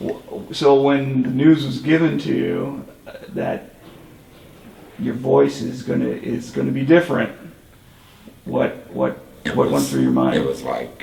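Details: Adult male interviewer; typical voice.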